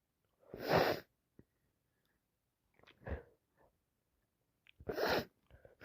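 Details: Day 4 of a cold, sneezing worse, blowing nose a lot: three wet sneezes, the first and last loud, with short breathy catches and sniffs between them in a quiet room.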